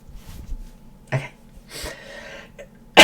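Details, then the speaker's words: An adult gives a few short, harsh, noisy bursts against quiet room noise, then says it hurt; cough. "excuse me oh that hurt"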